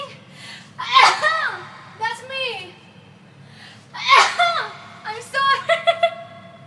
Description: Catching yourself having a sneezing fit on stream can be a wet sneeze face adventure.